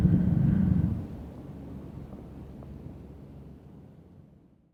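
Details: Female Asiatic bear snoring loudly in her sleep: a single deep rumbling snore fading into a low background rumble.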